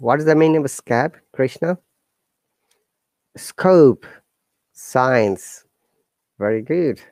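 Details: Adult male speaker; no disorder.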